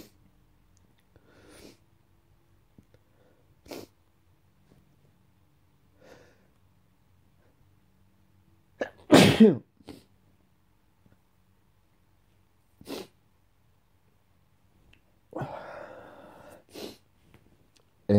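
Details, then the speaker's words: Person with daily morning sneezing attacks in February: several sharp nasal bursts, one loud sneeze in the middle, smaller sneezes and sniffs around it. "So I keep sneezing."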